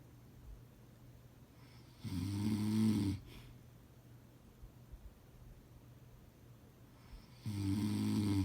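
Two loud, low, rattling snores about five seconds apart on inhalation, with quiet breathing between; ordinary snoring in a quiet room.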